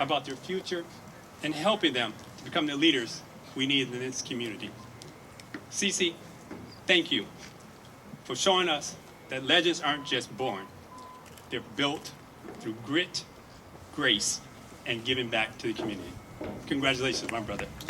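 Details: Adult male speaker; normal voice.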